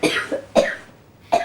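A child gives three short, harsh coughs in quick succession, a cough linked to his asthma.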